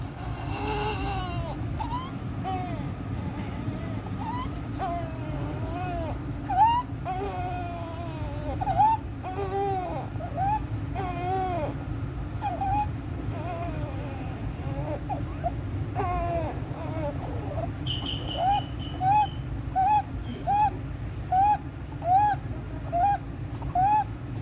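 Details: A 14-day-old full-term neonate, admitted with meconium aspiration since resolved, has inspiratory stridor with suprasternal and intercostal retractions and severe chest indrawing, worse with crying and feeding, with desaturation. High-pitched crying.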